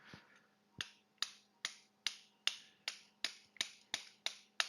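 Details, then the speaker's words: Arthroscopic right shoulder Bankart repair for dislocation: about eleven sharp metallic mallet taps, two to three per second, driving a suture anchor into a drilled hole in bone after it is first tapped in by hand. "we can take our suture anchor place it in tap it down by hand for a second and then we just take a mallet to complete the"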